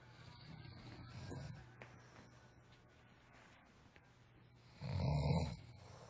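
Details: Sleeping friend snoring; low rattling breaths with a louder snort near the end, over faint room noise: snoring.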